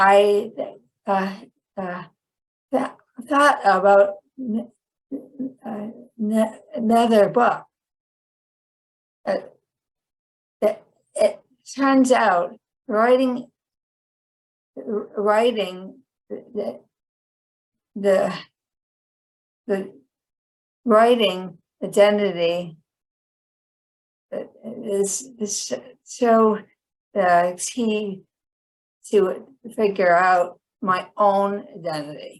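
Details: Chronic post-stroke aphasia in a woman; a 2010 stroke initially left her unable to speak and she relearned speech.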